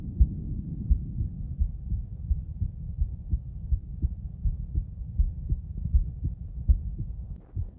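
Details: Female heart auscultated with different stethoscopes, moving through Erb's point, mitral, tricuspid, aortic and pulmonic sites; regular low thumps about 85 per minute; normal heart sounds.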